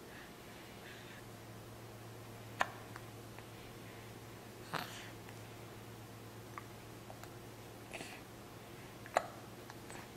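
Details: Young boy, with his grandmother, who can't shake his hiccups; faint, sharp catches about three times in ten seconds against a steady room hum: hiccups.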